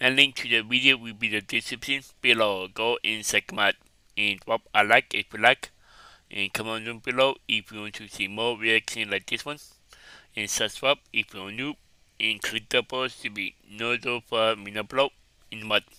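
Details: Adult male speaker; ordinary speech.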